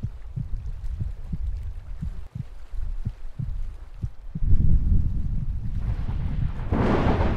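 Regular low thumps like a heartbeat, then rain and thunder swell over them; a sound-effect heartbeat.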